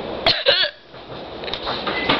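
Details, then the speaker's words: Person with painful hiccups that several remedies have failed to stop: two sharp, abrupt voiced catches in quick succession, then a third later; hiccups. "Hi, today I have hiccups. It's very annoying. I'm trying to lose them."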